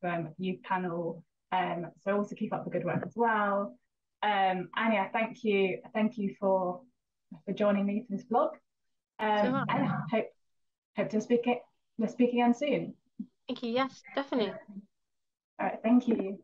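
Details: Stammering (stuttering), real, in a female vlogger with a stammer.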